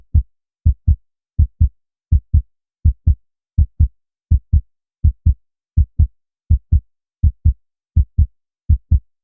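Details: Heart sounds of a girl: regular paired lub-dub sounds at about 82 beats a minute, crisp and steady.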